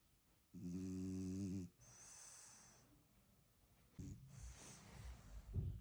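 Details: French Bulldog puppy snoring right after falling asleep: a loud snorting snore on the in-breath, then a softer hissing out-breath and a second rough snore, typical noisy flat-faced dog snoring.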